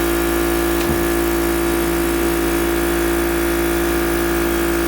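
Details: Mechanical insufflation-exsufflation (cough assist) device running on a patient: a steady mechanical hum and whir of the blower motor, with a brief click early on.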